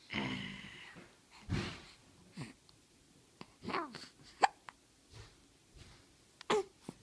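Brief sharp catching sounds recur every second or so in a quiet room, some with a short voiced squeak, consistent with hiccups.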